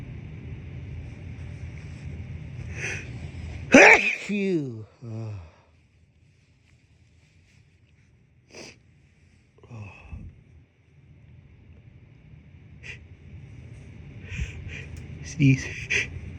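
Catching breaths build to one loud sneeze, followed by sighs and more hitching gasps as another sneeze threatens.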